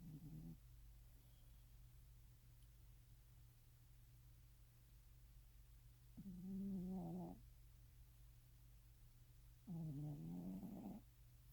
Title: some snores